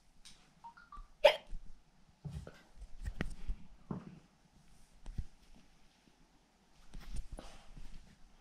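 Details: Hiccups in a child: abrupt, short gulping sounds recurring about every second in a quiet room.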